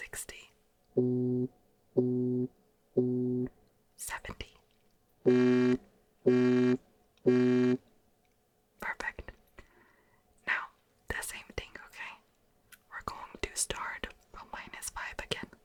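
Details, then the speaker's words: Six steady beeping tones, about one a second, played in both ears over headphones, then soft whispering; simulated pure-tone hearing test in an ASMR role-play ear exam. "Sometimes the first frequency which is minus 5 dB is not really heard by the human ear obviously except if you have exceptional hearing. So I want you to let me know when you start to hear them."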